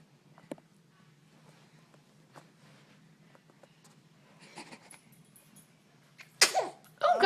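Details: Infant son being burped by his father sneezes: quiet room with small noises, then a sudden sharp sneeze burst and a second loud burst near the end.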